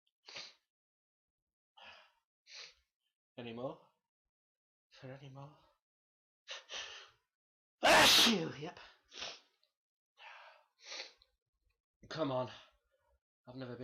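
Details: Adult waiting to record natural sneezing: a run of sneezes, one loud forceful sneeze among smaller ones with short breaths between, with "excuse me" after some.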